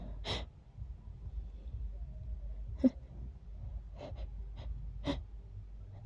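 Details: Person who woke up feeling very sneezy: several short, sharp bursts of breath over a few seconds with soft room noise between; a run of sneezes.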